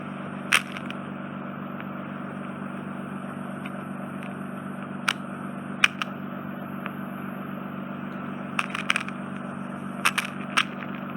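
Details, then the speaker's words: Ear wax microsuction in a woman with inflamed, scarred (tympanosclerotic) eardrum: steady suction hum with intermittent sharp clicks and crackles as wet wax is drawn from the base of the ear canal after ear drops. "We've just got some on the base of the ear canal, so I'll get that out for you."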